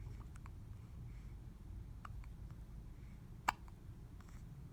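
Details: Faint short hiccup sounds over steady room noise, with one sharper hiccup near the end: an infant hiccuping.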